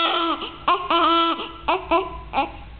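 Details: Newborn's first cry: short, clear, high-pitched wailing cries in several bursts.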